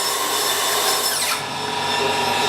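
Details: High-pitched drill whine with a falling pitch sweep and grinding as a slow-speed dental bur removes hard caries during access opening of a grossly decayed mandibular first molar.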